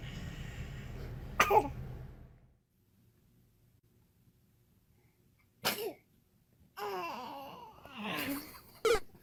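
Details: Infant, likely a baby girl, having a sneezing fit: short, sharp sneeze bursts with room noise and brief adult voices ("bless you") between them.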